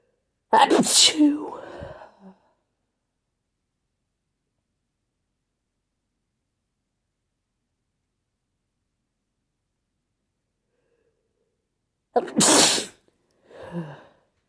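Two forceful sneezes, each with a sharp burst and a short gasp or catch of breath, separated by a long silence.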